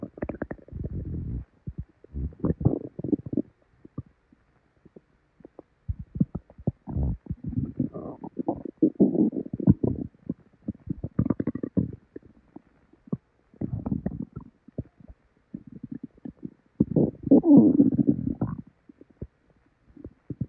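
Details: Person's belly after drinking probably expired milk, before very bad diarrhea: loud, frequent bursts of gurgling, bubbling rumbles with crackly pops and brief pauses; hyperactive bowel sounds, borborygmi.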